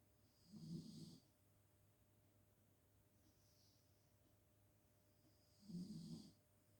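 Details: Sleeping female, possibly dreaming, snoring; two soft, low snores about five seconds apart, roughly 12 breaths a minute, with quiet room hum between.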